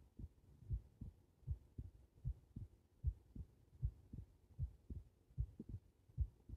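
Steady low thumping heartbeat at about 77 beats a minute.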